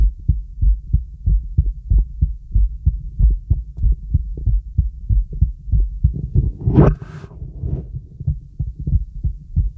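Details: Steady, regular low heartbeat thumps heard over a girl's heart through a real stethoscope (diaphragm or bell), with one brief scraping noise from chestpiece movement: normal heart sounds.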